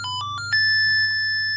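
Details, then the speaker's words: BPL Relife 900 biphasic defibrillator with AED, energy set from default 200 J down to 50 J for testing: short rising electronic tones ending in a steady high beep as paddles charge. "तो हमें इसको 50 joules कर देना है। 50 joules करते ही starting में just for testing हम कर रहे हैं इसको। ठीक है? नाउ चार्ज का बटन प्रेस करेंगे।"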